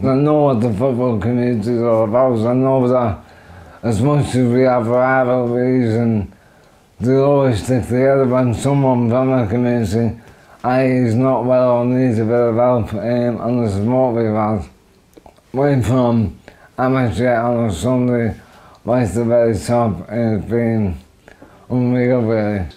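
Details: Adult man with motor neurone disease (ALS) diagnosed in 2010, affecting his arms, shoulders, chest, throat and voice; weakened throat muscles; dysarthria.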